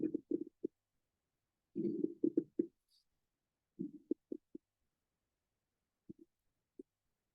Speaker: now coming to the crackle the crackling sound that we find in the oscilation